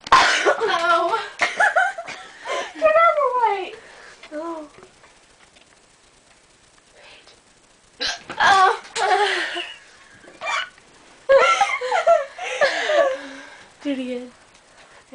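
Sharp, abrupt voiced catches break into talk and laughter at irregular intervals: repeated hiccups.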